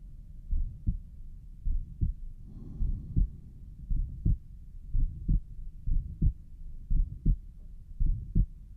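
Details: Self-recorded through a stethoscope at the pulmonic valve: steady paired heart sounds about 55 per minute with a soft extra noise between beats; recorder suspects a mid-systolic murmur.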